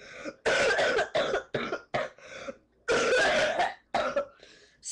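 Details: Child with a bad cold, stuffy nose and possibly a fever, sent home from school: bursts of harsh, loose coughing, about six coughs in a few seconds.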